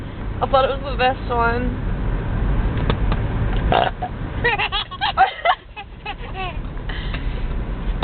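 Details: Several long, deep, loud deliberate burps by a girl in a car, with her baby brother watching, over steady car road noise.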